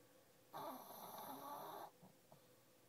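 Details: Female, snoring under a desk again, her favourite morning activity: a single soft, raspy snore on one breath in a quiet room; ordinary snoring.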